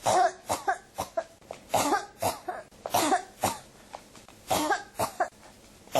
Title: 咳が止まらない 1～28 cough